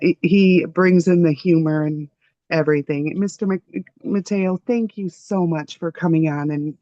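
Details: Adult speaker (interview host); normal speech.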